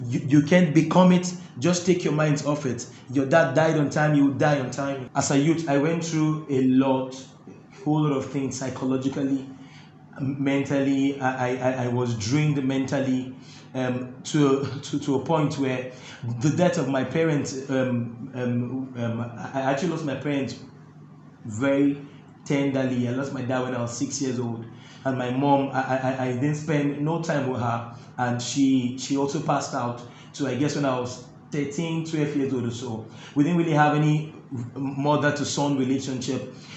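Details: Adult man who stammers, reporting difficulty when talking but none when singing; stuttering.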